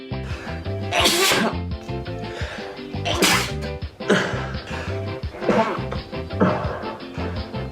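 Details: Man sneezing: several sharp, explosive sneezes in quick succession over a steady music background.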